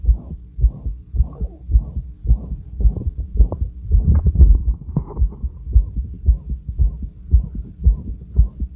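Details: Own heart auscultation at rest, regular rate about 110 per minute, with a loud, harsh whooshing murmur filling the gaps between beats; the murmur is always present but varies in intensity and was louder than usual this night.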